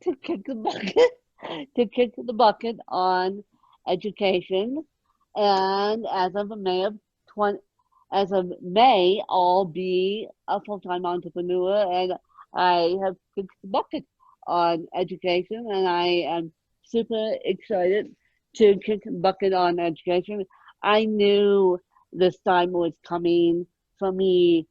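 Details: Adult woman born with moderate ataxic cerebral palsy, mid-spectrum, needing 24-hour care; ataxic dysarthria.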